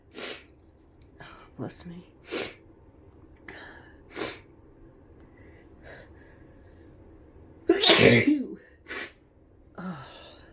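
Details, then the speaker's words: Person with flu: a series of sharp sneezes and sniffs, one loud wet sneeze near the end, then says they need to blow their nose; sneezing. "Oh, that was messy. I have to blow my nose so bad."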